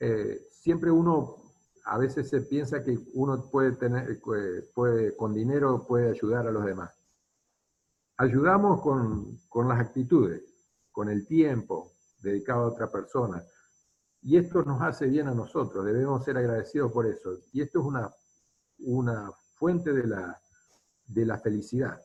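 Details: Adult male speaker; normal speech.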